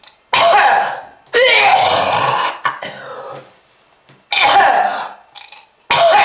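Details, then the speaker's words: Acted smoker's cough: loud, harsh, rasping coughing fits with gagging and throat clearing, presented as lung disease from smoking, with red-coloured sputum mentioned. "if you want this to happen to you just keep smoking this is lung disease"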